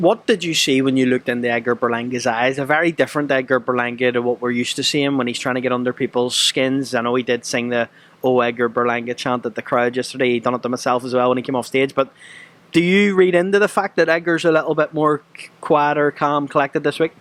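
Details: Adult male interviewer; ordinary speech.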